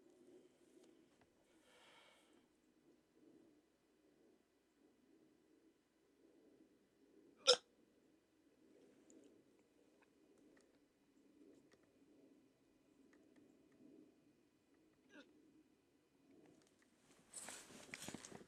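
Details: Person with sleep apnea treated with CPAP has a rare round of hiccups after waking from sleep with the mask: quiet breathing with one sharp, abrupt click-like gulp and a fainter one later; hiccups.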